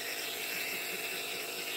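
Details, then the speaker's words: Nebulizer used every 4 hours by an adult woman with double pneumonia and MRSA: steady mechanical hum with hissing airflow during a treatment; nebulizer compressor running. "And here I sit on a nebulizer, drinking in the sweet air every 4 hours. The medicated, nebulized air that costs $2,000 a month."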